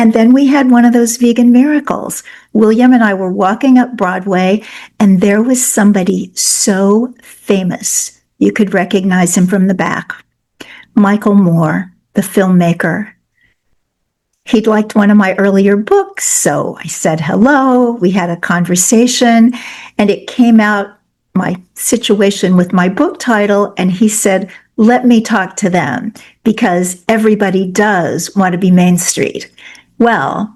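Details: Adult woman speaking; normal speech.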